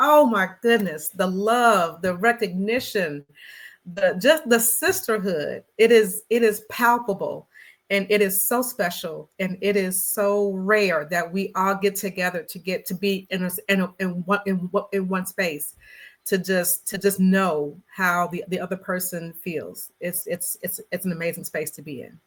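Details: Stuttering in an adult woman who describes herself as a person who stutters, speaking in a conversational interview.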